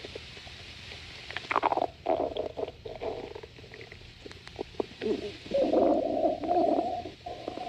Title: Leo's stomach growling